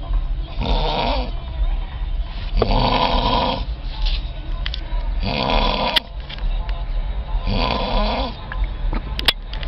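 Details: Male snoring at a music festival: loud, rough snoring, four breaths in under ten seconds (about 25 a minute), over steady background noise.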